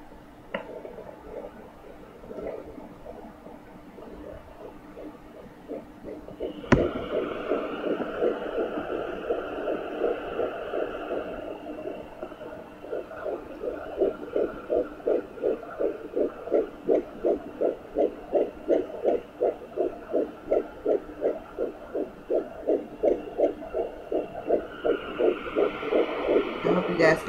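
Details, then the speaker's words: Pregnant woman at 10 weeks with a chest cold, Sonoline B pocket Doppler on abdomen; fast regular whooshing pulses about 165 a minute, possibly a second heartbeat on other side, owner suspects twins or echo; fetal heartbeat on Doppler. "let me see if i'm getting on the other side i can hear something like wind on this and if i move over it sounds like the same heartbeat"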